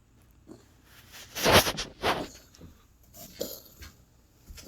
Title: Drumstick coughing 3